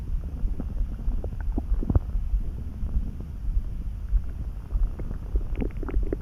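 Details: Stomach noises that began suddenly while neither hungry nor too full, felt in the pit of the gut and easing with a snack: continuous low gurgling and rumbling with scattered bubbly pops; borborygmi.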